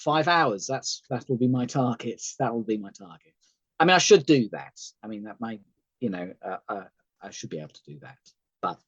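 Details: Adult male stroke survivor, thalamic stroke near the brain stem, partially sighted, with aphasia: sometimes difficulty speaking, hesitations, word-finding failures, plus cognitive and memory problems; he says today is a good day.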